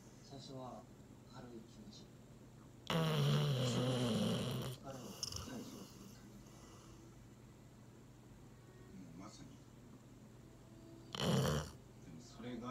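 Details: Labrador dog snoring in deep sleep while leaning against the owner during relaxation after a meal.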